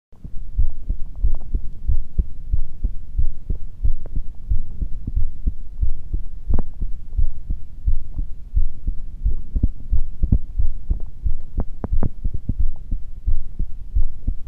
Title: 特に何も無い、ただの心臓の音。